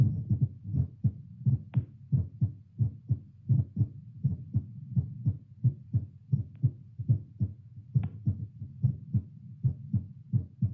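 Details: Own heartbeat via Littmann CORE stethoscope played to speaker, seated baseline while holding arm up, about 96 then settling near 88 bpm: steady, regular low double thumps; normal heart sounds.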